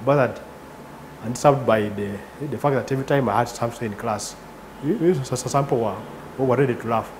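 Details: 38-year-old man, father of two, who has stuttered since about age three; involuntary breaks and repetitions in speech; stuttering.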